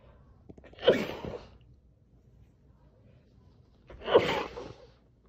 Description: Muffling my loud sneezes by pressing my face into a towel.